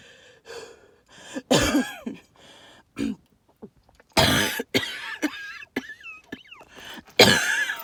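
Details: Three harsh hacking coughs with lots of wheezy, whistling breath sounds between them, recorded amid tree pollen and mold spores.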